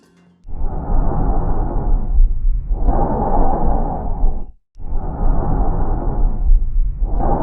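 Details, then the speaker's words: Sound representation of loud, harsh, blowing tracheal breathing over the neck and sternal region, inspiration slightly shorter than expiration with a brief pause between them: normal tracheal breath sounds. "ele é descrito como um som intenso e soproso o tempo de inspiração é um pouco menor do que o tempo de expiração sendo que vai existir uma pequena pausa entre estes dois tempos"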